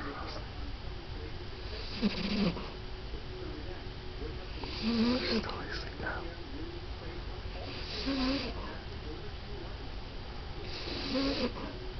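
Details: A 14-year-old French Bulldog falling asleep snores in steady, rough breaths, about 20 per minute, each with a low rattling drone; snoring.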